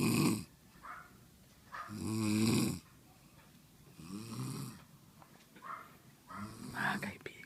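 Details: A person found asleep while others searched for the noise snores loudly and roughly, with vibrating snores about every two to three seconds, some with a whistling edge, in a small room.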